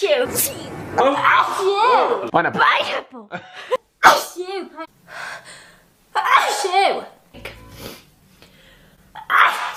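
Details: Several forceful sneezes, each preceded by a sharp in-breath, with brief talking between them; repeated sneezing.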